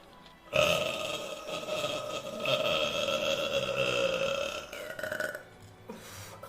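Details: Streamer burping: one long, loud, drawn-out voiced belch lasting about five seconds, then brief laughter.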